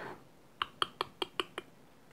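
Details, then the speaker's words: Adult imitation of six quick mouth clicks, the sound a breastfeeding baby makes when swallowing air with a shallow latch (mouth corners and chin visible). "이런 소리 으 이런 솔잎 이런 소리가 들린다 그러면 그것은 제 4 애기가 붕괴될 정말 많이 먹고 있는 거죠"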